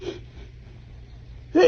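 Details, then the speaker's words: A person with a cold sneezing: a faint breathy intake, then a sudden loud sneeze burst that is cut off. "than oh this cold is killing me oh"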